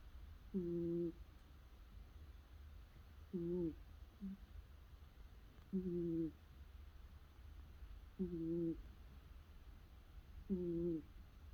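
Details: Short, soft, whistly snores repeating regularly, about 24 a minute, over low room hum, from a cat curled up sleeping with whiskers twitching; gentle, ordinary cat snoring.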